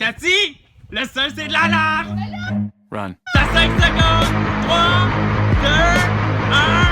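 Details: Adult or older child speaking French; normal speech.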